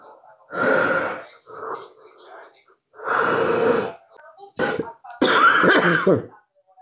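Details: About four harsh, forceful coughing bursts from women, separated by quiet breathing, some voiced and rough; a compilation of repeated hard coughing.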